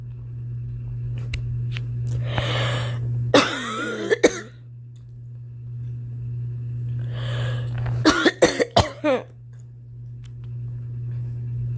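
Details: A girl's acted coughing over a steady low hum: two bouts, a couple of coughs first, then a quick run of four or five.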